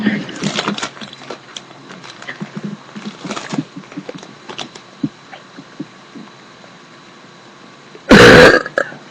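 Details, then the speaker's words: Young woman belching deliberately while drinking: quiet sipping and handling noises, then one loud, drawn-out burp near the end; a forced belch described as weak. "one more burp and I'll make more burp videos later oh that was weak one hold"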